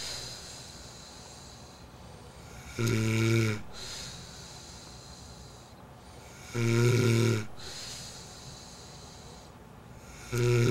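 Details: Greek boy who claims he doesn't snore, snoring: loud, low, rattling snores about every 4 seconds, roughly 16 a minute, between quiet breaths over steady background hiss.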